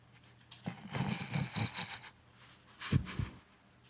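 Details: Two bouts of low, rattling, snorting snore sounds from a sleeping boy, the first longer, with quiet room noise between; loud snoring.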